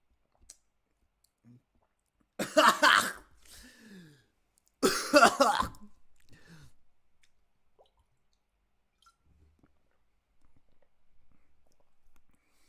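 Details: A person coughs forcefully in a quiet room: two harsh coughing fits, each followed by softer throat noises and breaths.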